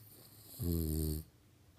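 A single low, rumbling, buzzing snore lasting about half a second on breathing in, in a quiet room; snoring.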